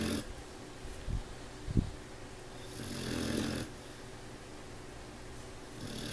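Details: A sleeping puppy snoring: low, rough breathing noise with a louder rattling inhalation and a few soft snorts in a quiet room.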